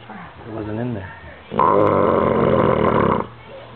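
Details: Gus, an old Bulldog, too loud to sleep upstairs; a brief low grumble, then a long loud harsh rattling snore through nose and throat: snoring in a flat-faced dog.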